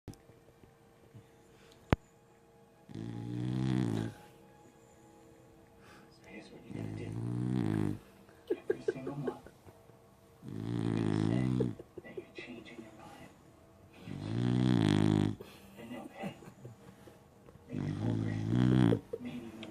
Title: Snoring puppy